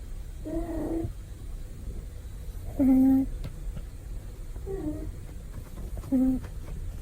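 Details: Loud snoring from a male cat sleeping comfortably during a daytime nap.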